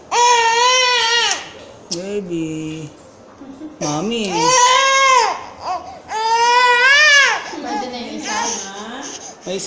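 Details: Baby girl during ear piercing: loud, high, wailing cries in long bursts with gasping breaths between and adults talking softly, crying in response to pain.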